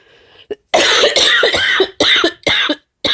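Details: A coughing fit of about six forceful, harsh coughs in quick succession from an adult on day 6 of COVID-19 who is using inhaled breathing treatments.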